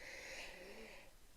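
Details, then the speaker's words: A small pug snoring while asleep next to the speaker during a whispered poetry reading. "If you can hear snoring, my little pug is just snoring away asleep next to me. He loves it when I just sit and babble."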